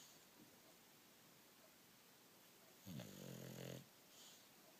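Against steady room hiss, one low rattling snore lasting about a second; typical noisy breathing of a sleeping short-nosed dog.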